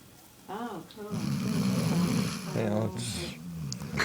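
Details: A dog snoring: low, rough, rattling breath noise between short whining sounds.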